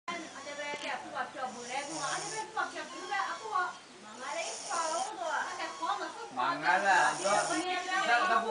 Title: Bulldog puppy Snoring